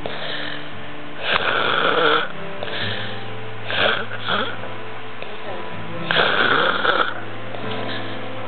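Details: Person snoring: rough, rattling snores in short bursts about every two and a half seconds over a steady background hum.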